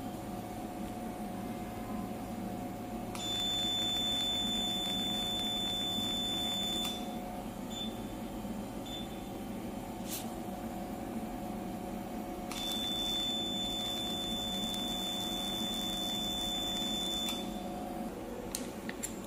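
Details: Fractional CO2 laser resurfacing machine (MSLCF15) during installation test: steady high-pitched tone in two bursts of several seconds over a constant fan hum.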